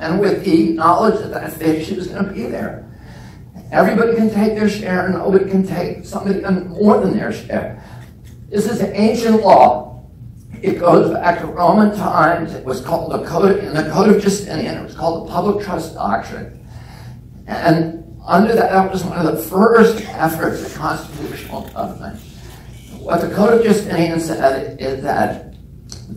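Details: Spasmodic dysphonia in an adult man, self-reported as spasmodic dystonia with onset at age 42 causing voice tremble; he says it is painless and lessens or goes away after speaking a while.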